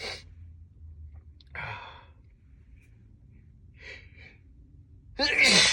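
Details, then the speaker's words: Several short, sharp bursts of air through the nose and mouth in quick succession in a quiet room, from someone sneezing repeatedly on a sunny day; repeated sneezes. "this kid dude can't stop sneezing my goodness"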